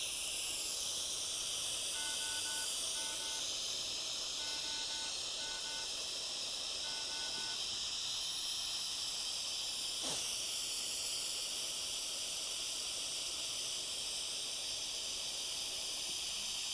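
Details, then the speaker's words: Vortran single-use temporary ventilator on a test lung, oxygen at 15 L/min at 50% giving 40 L/min total flow, peak inspiratory pressure 32, PEEP 8, rate 19, I:E 1:1.3: steady high hiss with faint beeps and a click. Gas flow hiss. "vamos a subir a 15 litros por minuto al 50% nos va a dar un flujo total de 40 litros por minuto"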